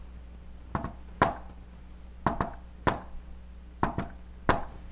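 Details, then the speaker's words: Hand-tapped imitation of a fourth heart sound (S4) gallop, the "Tennessee" rhythm: a soft extra beat just before S1, then S1 and S2. "however if you're gonna do s 4 people often use Tennessee but I don't know what they're talking about this is what they're trying to say"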